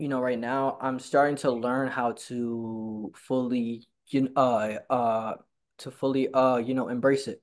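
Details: Stuttering in a person who stutters, speaking in a conversation between two people who stutter who met at a stuttering support group.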